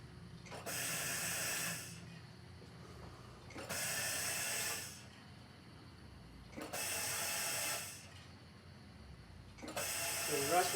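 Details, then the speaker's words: Regular hissing gas pushes of about one second each, about 20 a minute, from a Mallard 2800 anesthesia ventilator bellows set to 1-second inspiratory time, cycling normally. "so when I turn this on you're going to see the Bellows push down for exactly one second"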